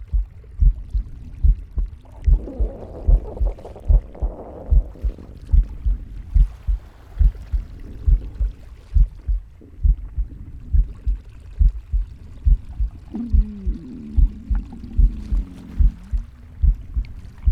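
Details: Pig's heartbeat: steady at about 72 a minute with soft breath noise and intermittent gurgling stomach sounds over it; heartbeat with breath and bowel sounds.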